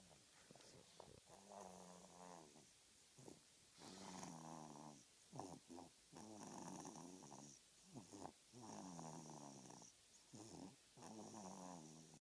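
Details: A sleeping dog snores in a steady rhythm, a rumbling, whistling sound with each breath.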